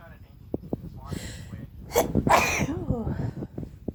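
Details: Person with a cold sneezing constantly: a sharp breath in, then a forceful, explosive sneeze with a voiced trailing sound, among small clicks and breaths.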